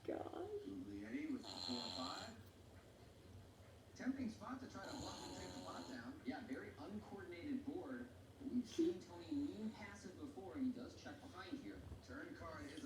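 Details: Snoring from a beagle.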